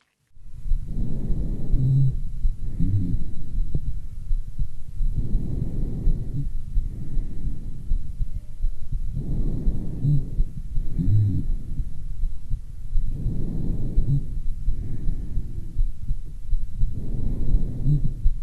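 Harsh breath sounds, about 13 breaths a minute, with low, rumbling, snore-like tones in both breathing phases: low-pitched rhonchi from the large airways.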